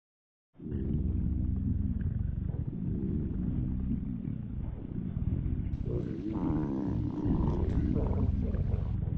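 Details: Woman's stomach growling, recorded on request; stomach growling (borborygmi).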